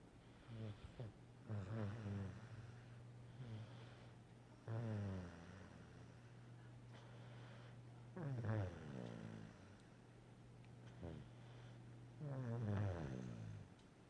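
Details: Snoring while napping: low rattling snores with each breath, roughly every three to four seconds, over a steady background hum.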